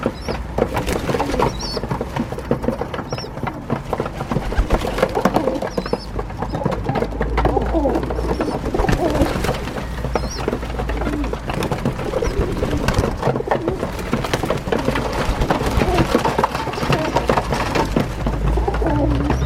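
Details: A pigeon (dove) squeaking and coughing: thin, high squeaks and soft coos with brief cough-like bursts, over low room hum.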